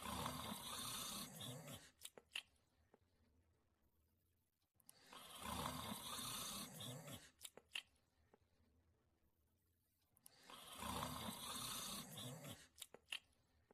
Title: Sleeping & Snoring in 43 seconds